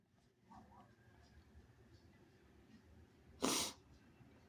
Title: inducing rapid sneezes